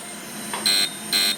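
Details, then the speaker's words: Core CO2 fractional laser in fusion mode, set aggressively, treating severe facial acne scars: two short high-pitched beeps over a steady machine hiss as it fires in circles around each stretched scar (shouldering). "so what I'm going to do first is put them on stretch and I'm going to go around each scar in a circle because I want to reduce the outside before I do anything to the inside because this is like a pothole so I actually want to go in a circle"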